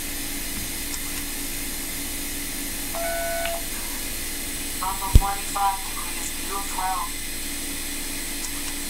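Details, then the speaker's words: iTero digital intraoral scanner capturing 3D tooth images for a crown, each beep marking 100,000 laser points captured: short electronic beeps with faint tonal chirps over steady room hum; intraoral scanner beep. "every time you hear that beep there's 100,000 points of laser light that are being sent out and then reflected back into the little sensor that you're seeing right here"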